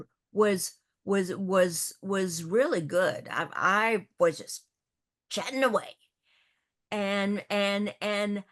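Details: Adult woman who stutters, also with a paralyzed vocal cord; stuttering.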